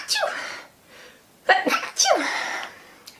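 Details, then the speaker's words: Young woman with watering eyes during casual talk; three sharp, breathy sneezes in quick succession, each with brief intake and explosive release; sneeze. "my eye is watering so much in the back that is amazing I am so much for I need to sneeze but not"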